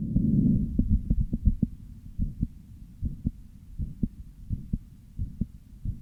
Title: very visible heart murmur and arrhythmia~